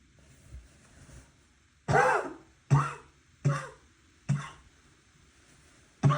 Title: Some wet and barking coughing